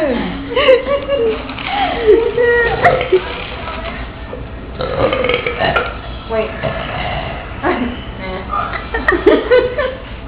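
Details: Two adults competing at deliberate loud trucker-style burps after a night out: several drawn-out voluntary belches with laughter and talk between; one remarks these are fake.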